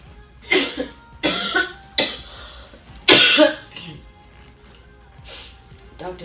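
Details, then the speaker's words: Adult singer with cough attacks keeping them awake at night, on the way to a doctor: four strong, harsh cough bursts in quick succession, then a couple of softer coughs, a chronic cough. "it's not going to be cute if I'm coughing in the microphone and having a cough attack on"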